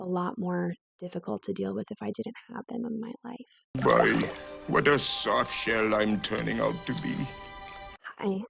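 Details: Adductor spasmodic dysphonia, a neurological vocal cord spasm disorder, in a woman; moderately severe, with onset at age 16-17.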